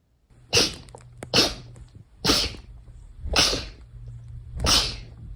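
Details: Five sneezes about one second apart, each a sharp hissing burst, with a low steady hum in the background.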